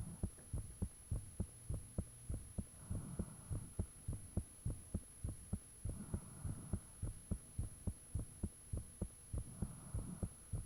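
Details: Recording of one's own heartbeat with the fan off, made shortly after the heart began feeling unusually thumpy: strong steady thumps at about 100 bpm, faint whooshing between some beats, background hum; valve sounds reportedly audible.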